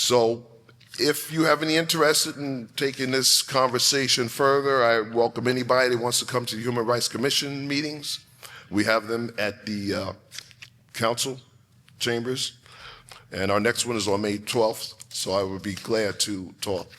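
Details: Adult man speaking; normal voice.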